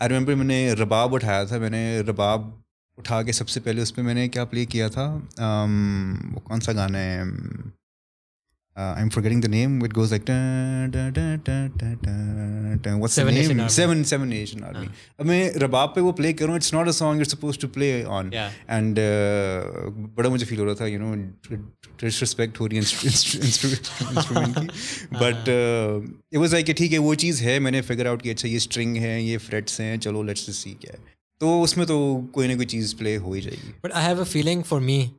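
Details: Stuttering in an adult male who masks his stammer with alternate words; it is worse when he is conscious of it.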